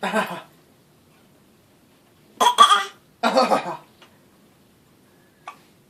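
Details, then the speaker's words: Fake coughing: three short forced coughs from an adult in a quiet room, then faint clicks; deliberately imitated cough, not real. "Oh, that's a real one."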